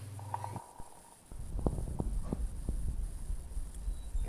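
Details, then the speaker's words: Pleural friction rub: low, grating, irregular scraping sounds over the chest from inflamed pleural layers rubbing together, an added discontinuous auscultation sound, heard in a semiology lesson. "los brotes pleurales se generan por el roce de las capas pleurales inflamados"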